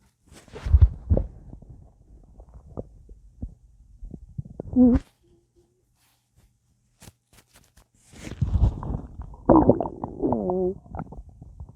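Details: Full, gassy stomach after a large meal with a drink: irregular low gurgles and bubbling rumbles with brief squeaky tones, separated by a quiet pause; active bowel sounds.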